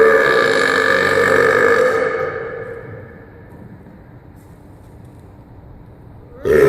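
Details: Deliberate loud burping with an echo effect: one long, rumbling belch lasting about two seconds, trailing off into quiet room noise.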